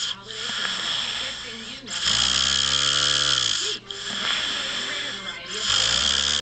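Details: A man passed out asleep on a couch, snoring: a long, loud, vibrating snore amid harsh, hissing breath noise.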